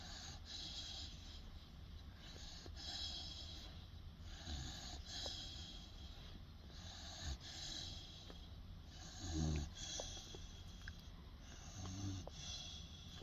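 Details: 16-week-old Boerboel puppy, possibly with eyes open: soft, rhythmic rasping breaths with low fluttering snorts about every 1.3 seconds; snoring.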